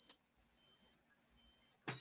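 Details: Dolphin Neurostim electrotherapy device during scar release therapy: two faint high electronic beeps, one per second, then a brief rustle. The device counts 10 beeps per point as the scar is treated point by point.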